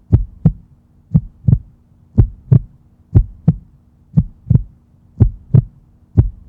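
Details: Regular paired lub-dub heart sounds at about 58 beats a minute, a normal heart rhythm; normal heart sounds.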